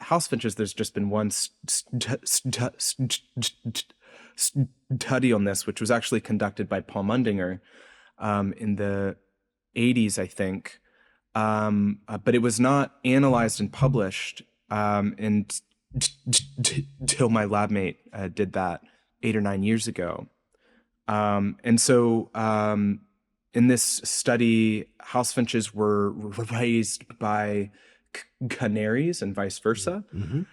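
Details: Adult researcher who reports a speech impediment audible throughout the interview; stuttering (speech disfluency).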